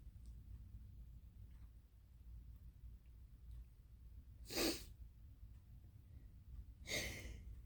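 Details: Nighttime allergy sneezing on the third night while allergy pills have not yet taken effect; suspected allergen at a horse ranch used for equine therapy: two short, forceful sneezes a couple of seconds apart.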